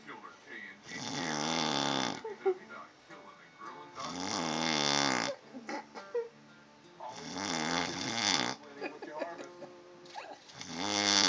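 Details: Loud, buzzing snores in long bursts about every three seconds from a sleeping person, with faint music and other sounds in the background: snoring.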